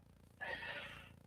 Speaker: I don't know if you can hear him, but this tiny dog is snoring like a dang bull frog.